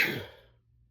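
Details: A single short, explosive, hissing, fading sneeze; sneezing.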